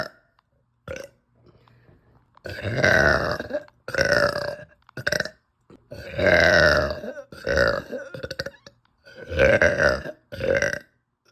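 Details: Woman with uncontrollable, nauseous, bloated belching after eating pasta: repeated loud, drawn-out belches, about six in eleven seconds, with short pauses between; frequent belching.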